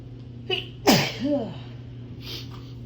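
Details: Sneeze captured while cleaning around an apartment: a short in-breath, then one sharp, explosive sneeze with a faint trailing voice.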